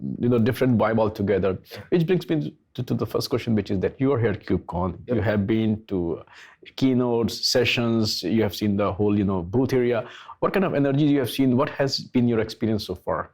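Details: Adult male speaker; ordinary speech.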